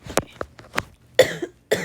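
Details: Several short, harsh coughs in quick succession from a gamer who says they are still really sick.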